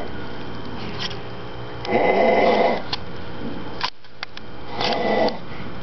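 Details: Harsh sleep snoring from a man: two rough, growling snores about three seconds apart, with steady room noise and a few small clicks.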